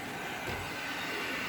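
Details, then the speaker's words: BiPAP machine with mask not sealed on a face, leak reading 100: continuous loud rushing airflow as air escapes freely; BiPAP mask air leak. "Yeah. Means everything is leaking out."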